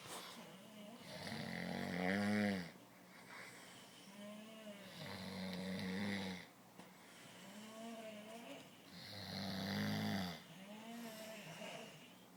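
Loud, rhythmic rattling snores on each breath, about 16 a minute, with a droning, tonal quality: heavy snoring.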